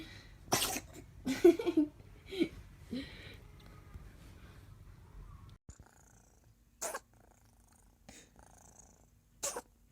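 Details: Little kitten sneezing: a run of small, sharp sneezes, about five bursts close together, then a few more spaced out in a quiet room.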